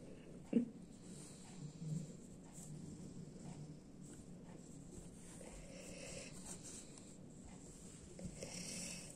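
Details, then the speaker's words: Soft, low rumbling snoring from a large dog napping, faint beneath quiet room noise. "Donc vous entendez les ronflements de mon chien. C'est un gros toutou. Et là, il est en pleine sieste."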